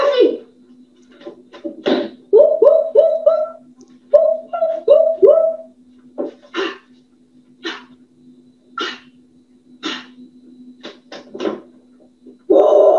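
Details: Tourette syndrome patient with complex phonic tics, often manifested by coprolalia, occurring most of the day; complex phonic tics (Tourette syndrome).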